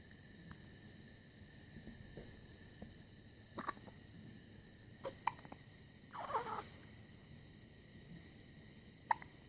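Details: Baby hiccups: four or five brief, abrupt catches of breath at uneven intervals, one slightly drawn out, over a quiet room hum.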